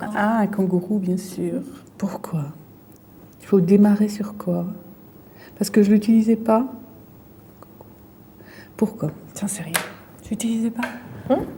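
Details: Female patient with a brain lesion; fluent aphasia with word-finding difficulty, word substitutions and distorted words.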